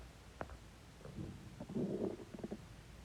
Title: Man stomach growl 24